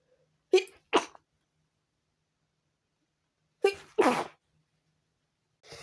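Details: Sneezing fit at 4 a.m. that prevented sleep: two pairs of sharp sneezes, each with a quick intake and an explosive burst, in a quiet room.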